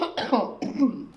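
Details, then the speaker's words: Two strong, deliberate fake coughs in quick succession after breathing in, holding and flexing forward, by a person demonstrating the final phase of a self-assisted cough technique; voluntary cough. "so want to go ahead and try that breathe in hold it come forward and cough two coughs very good and I know it's really weird to fake a cough but you did a great job"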